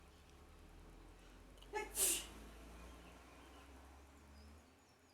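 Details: Sneezing after waking up, which happens every day: a single sharp sneeze in a quiet room with a brief catch before the main burst.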